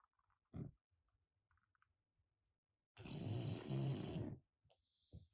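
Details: Loud, rough, grunting snore with a short snort and faint whistle from a sleeping cat whose nose isn't good; noisy cat snoring.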